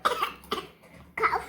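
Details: Child faking a cough to get syrup: three short, light, deliberately produced coughs; voluntary (fake) cough.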